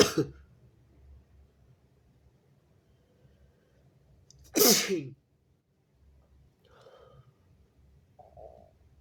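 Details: Two sharp, explosive sneezes a few seconds apart from a very stuffy person pinching the nose, then faint sniffing and breathing; sneezing with nasal congestion.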